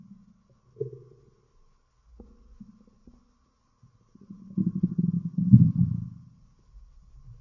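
Low gurgles and a longer rumbling, bubbling growl: normal stomach growling from gas and fluid moving through the gut.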